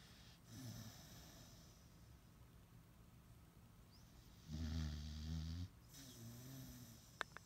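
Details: Low, rumbling snores on the in-breath with softer snorting out-breaths from a mini pit bull dog in a quiet room; snoring.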